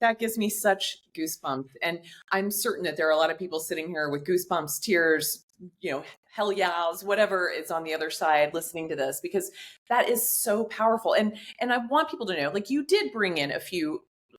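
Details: Adult woman speaking; Normal speech.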